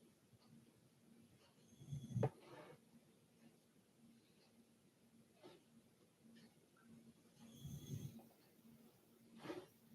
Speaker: Okay. My dog's snoring. You might hear it in the background.